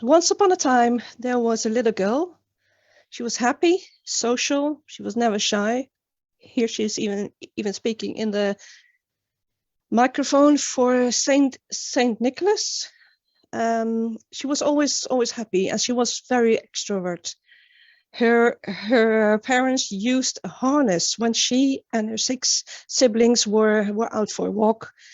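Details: Real stuttering in an adult woman; finding: stuttering.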